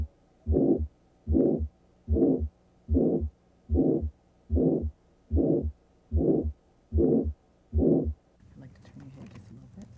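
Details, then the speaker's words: Carotid bruit heard with stethoscope bell over the neck: regular whooshing murmur-like bursts about 74 per minute, suggesting arterial narrowing; shown as an example of how it would sound. "A bruit is a whooshing, murmur-like sound that suggests arterial narrowing. If present, it would sound like this."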